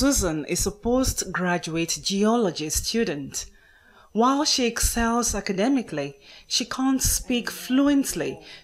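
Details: Adult woman narrating; fluent speech.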